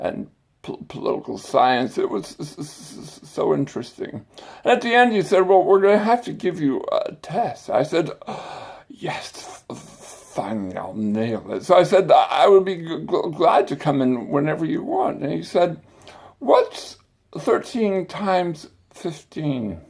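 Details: Adult man with stuttering and dysarthric speech, a speech impediment acquired after brain surgery with complications the previous summer.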